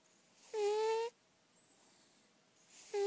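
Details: Senior lilac point Siamese cat, indoor-only and in good health per owner, snoring while asleep: brief high whistling tones on breaths separated by quiet pauses.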